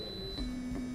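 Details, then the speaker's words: Simulated tinnitus: steady, thin, high-pitched pure tone from an audiometer during audiological testing, imitating the ringing heard by patients with tinnitus. "es un tinnitus, para los que, eso es lo que sienten los pacientes con tinnitus."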